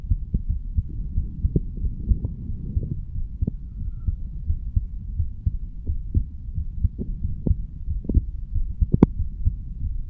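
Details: 35-year-old male standing up, heartbeat recorded over the mitral (bicuspid) valve area: steady low thumps at about 90 beats a minute; normal heart sounds.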